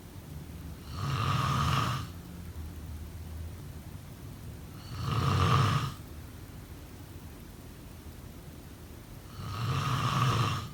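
Three slow, rough rattling snores about four seconds apart, roughly 15 breaths a minute, with quiet pauses between; snoring.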